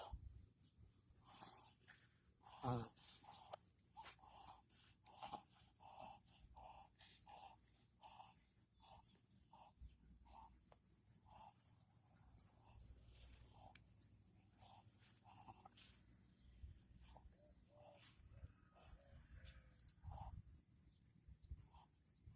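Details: A Chihuahua reverse sneezing: rapid, repeated honking snorts as it pulls air in forcefully through the nose; occasional episodes.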